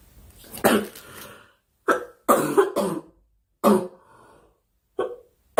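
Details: A girl, who says she is sick and wants the coughing to stop, gives five harsh coughs in separate bursts, some with throat clearing, in a quiet room; cough.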